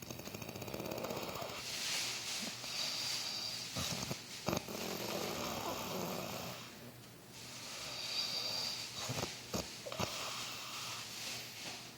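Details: Soft, breathy snoring with small clicks and lip sounds from a sleeping dog, possibly dreaming: ordinary snoring.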